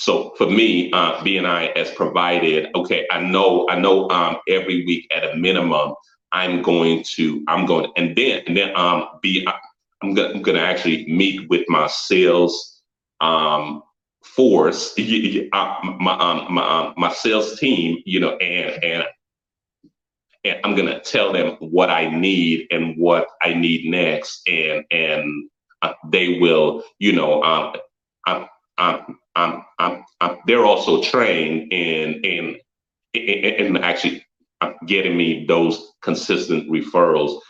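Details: Adult man with a stutter, noticed when he first introduced himself publicly; repetitions and frequent "um" fillers heard. Finding: stuttering.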